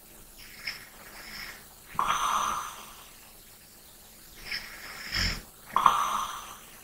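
Breathy snoring during sleep, two louder rasping snores between softer breaths, in a quiet room.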